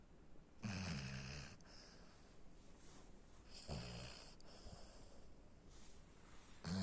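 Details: Snoring from a sleeping 4.5-month-old Labrador Retriever puppy: low, rattling snores recur about every three seconds, roughly 20 breaths a minute, with quiet breathing between.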